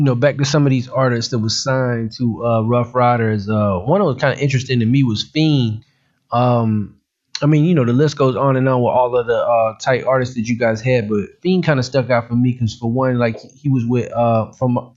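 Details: Adult male speaker; normal conversational speech.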